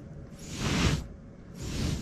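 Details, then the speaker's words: S10 CPAP for sleep apnea, otherwise silent; mask shifts with position change, giving two soft whooshing bursts of escaping air: small mask leak, minor if occasional, fix by tightening at cheeks. "Des petites fuites comme ceci. Bon, si c'est ponctuel, c'est pas très grave."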